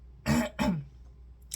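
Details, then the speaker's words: Two short, harsh throat-clearing coughs from an adult with a cold, a sore throat for two days. "I didn't film anything yesterday because after I filmed on Monday, I started getting a sore throat, and"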